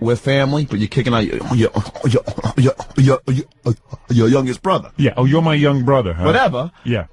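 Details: Adult man, born 1965, who has stuttered since second grade, with word repetitions; stuttering.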